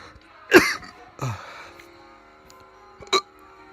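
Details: Very fast, non-induced hiccups: three abrupt, sharp catching sounds in close succession over quiet background music.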